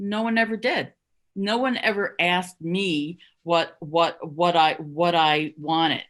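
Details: Adult who stutters and stuttered covertly, hiding it, for over 30 years, speaking at a stuttering association conference; stuttering.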